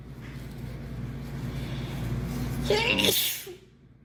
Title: Girl sneezing 6